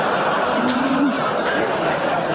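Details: Receptive aphasia during a left-hemisphere haemorrhagic stroke in an adult woman, a neuroscientist; an imitation, acted afterwards, of the unintelligible speech she heard and produced.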